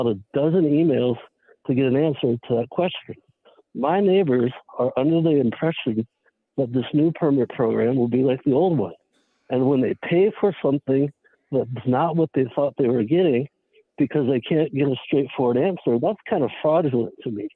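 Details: Adult man; normal voice.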